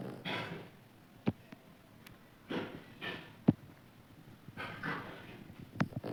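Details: Sleeping baby snoring lightly in a quiet room: soft, noisy breaths about every two seconds, each followed by a brief sharp snort.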